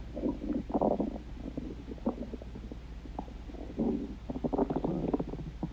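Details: Stomach growling (borborygmi): irregular bursts of gurgling, bubbling rumbles over a low steady hum, ordinary bowel sounds.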